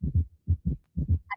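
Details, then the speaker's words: Third heart sound (S3 gallop) at the start of diastole, just after S2 (aortic and pulmonary valve closure): fast heartbeat with a soft extra low thud after the second sound, giving a galloping triple rhythm. "está el tercer ruido mire al inicio del s2 Qué es el s2 el cierre de las válvulas atico pulmonares el inicio de la di"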